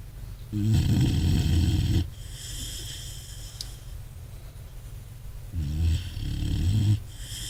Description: This puppy, about 6 months old, can out snore most things bigger than her.